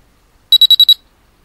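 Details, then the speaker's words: Noumic EDA/GSR biofeedback monitor in sound mode, measuring hand skin electrical properties: five quick beeps at one unchanging high pitch, the no-change tone meaning relaxation level stayed the same over the last three seconds. "the no change in pitch sound means that your level of relaxation remained unchanged"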